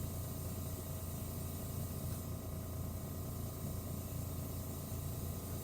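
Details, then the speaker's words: Nasotracheal suctioning lab demonstration: a wall suction regulator gives a steady low roar and hiss with the tubing occluded while the pressure is turned up from 50 to about 130 on the manometer. "I'm going to go ahead and turn my suction on and set my suction."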